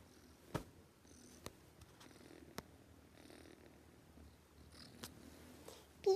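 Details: Sleeping cat snoring loudly: a low, rumbling, purr-like breathing noise rising and falling about every second and a half, with a few sharp clicks.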